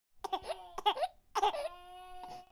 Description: Baby cry cough royalty free sound effect for your next project.